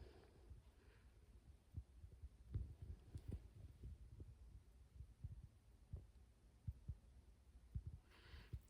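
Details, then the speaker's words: Normal S1 and S2 in a female patient during a head-to-toe nursing assessment, heard with the stethoscope diaphragm at the second intercostal space: soft, low lub-dub heartbeats. "Good. I hear the normal lub-dub."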